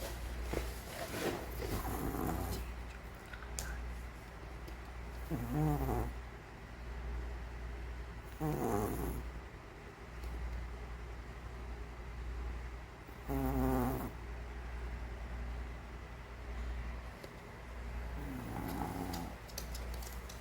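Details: Elderly Maltese dog snoring loudly in its sleep: small, wheezy, whistling snores about every three to four seconds over a steady low hum.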